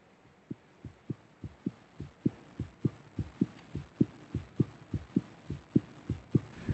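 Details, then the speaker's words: Child's heartbeat recorded with a stethoscope microphone at Cincinnati Children's Hospital: regular paired low thumps, about 100 beats a minute. "considering the heartbeat as the most beautiful sound that I think is possible. And when I'm thinking of rhythm, it's our basic beat."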